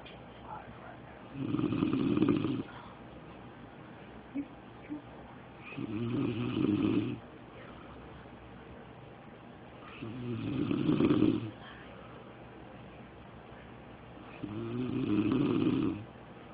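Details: Adult man snoring while asleep: loud, low, fluttering snores on each breath in, about 15 a minute, with quiet pauses between; heavy habitual snoring.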